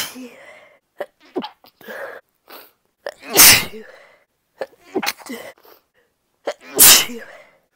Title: 30 second of induced sniffles and sneezes (F) (some stifled)